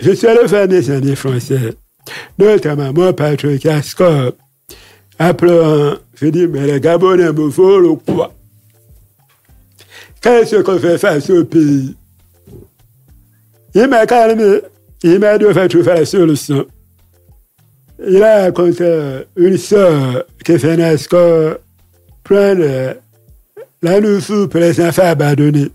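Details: Adult man, deaf since childhood after an illness that caused his hearing loss, lip-reads, speaking French; deaf speech.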